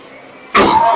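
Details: A single sudden, harsh cough, possibly a throat clear, from an adult politician during a live PDM rally. The uploader suspects he was feigning illness.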